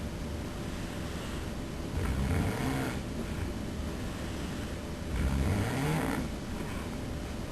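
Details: Sleeper recorded by a roommate while asleep: loud, low, rough rumbling snores with two louder breaths about three seconds apart over steady room noise. Snoring.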